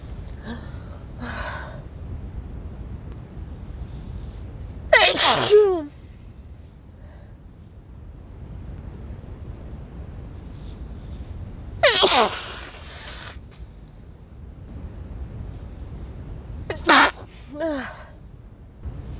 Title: Wet cold sneezes